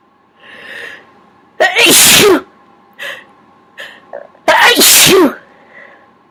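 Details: Several sneezes deliberately triggered with a q-tip (cotton swab); this clip has two forceful sneezes, each after a short breathy wind-up, separated by quieter catching breaths; sneezing.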